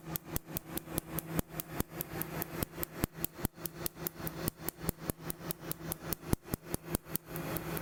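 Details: Second laser tattoo removal session on a woman's chest tattoo, treating a line at the top. Rapid, fairly regular sharp clicking pulses, about 146 a minute, over a steady low hum from the laser firing.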